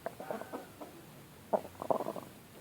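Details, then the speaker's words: A chicken that the owner says is snoring badly makes short, rough, gurgling snore-like noises with its breaths, typical of respiratory rales in poultry. The owner hopes it won't spread to the flock. "Di sini ada satu lagi ayam saya yang ngorok, yaitu yang ini. Kedengaran ya suaranya?"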